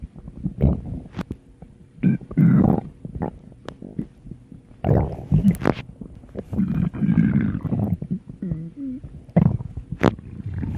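Low gurgling and rumbling bursts with some squeaky tones, typical of stomach growling: ordinary gut sounds from moving gas and fluid.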